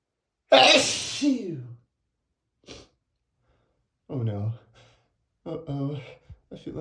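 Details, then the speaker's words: Person with flower allergy acting cartoonish sneezes after sniffing lilies: one loud, exaggerated sneeze with a voiced wind-up, then short vocal sounds; sneezing. "Uhoh, not again. Here comes another sneeze."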